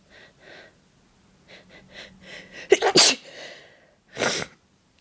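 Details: Deliberately breathy build-ups on request; several soft breathy build-up breaths, then a burst of quick sneezes and a final separate sneeze; sneezing.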